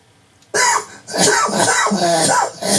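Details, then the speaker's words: Adult with cancer since 2004 on Alimta chemotherapy every 3 weeks, with voice loss since June 2008: quick run of harsh, dry, nonproductive, painless coughs in a repeated bout, about 50 bouts daily; chronic paroxysmal dry cough. "it sounds absolutely terrible there's no pain and there's nothing in my mouth there's nothing I cough up"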